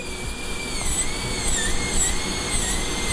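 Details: Steady high-pitched dental high-speed drill whine over low room rumble, rising as lifted, during occlusal reduction of three-cusped premolar tooth 45 on a mannequin for a partial-coverage metal-ceramic crown.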